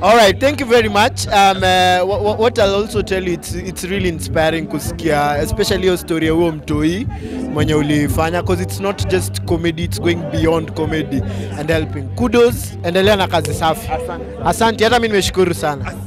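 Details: Adult speaker; ordinary speech.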